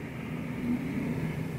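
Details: Adult woman's growling stomach while talking: a low, steady rumbling gurgle with a faint humming pitch.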